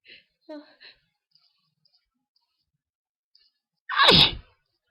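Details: Person with hay fever, unable to sleep at night from itchy, tickly nose, recorded a week after a previous episode; faint breaths and small sounds, then one loud explosive sneeze.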